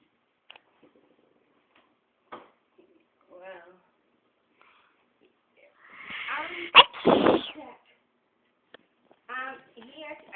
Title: Socks Are Sneezing